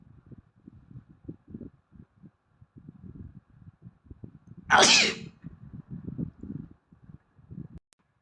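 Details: Asian boy with allergies: one sudden, explosive hissing sneeze rising out of low background rustling; a single sneeze.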